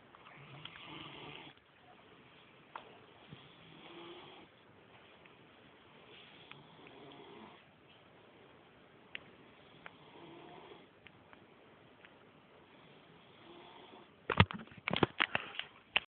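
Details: Person gently snoring in a quiet room: soft, rhythmic rasping breaths about every three seconds, with clatter at the end.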